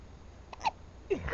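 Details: Baby girl, one of twins, awake at night, possibly not fed enough per parent, with hiccups: two soft, abrupt little catches of breath, typical infant hiccups.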